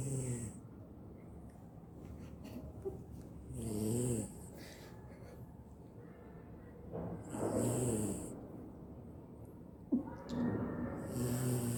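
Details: Snoring in a sleeping beagle dog: slow, rhythmic snoring with rough, rattling inhalations about 16 times a minute, over quiet room noise.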